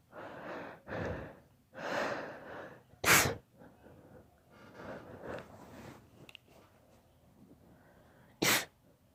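A child's sneezing bout: loud, explosive sneezes with gasping, breathy inhalations between them, a sneezing fit from allergy.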